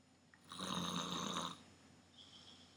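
A single loud, buzzing snore lasting about a second, then a softer breath out in a quiet room.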